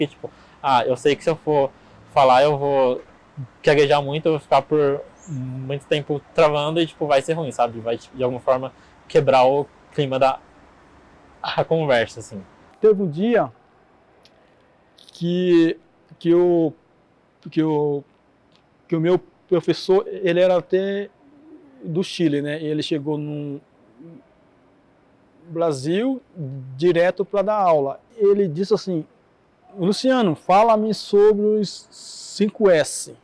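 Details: Adult man with stuttering, with audible repetitions in his speech.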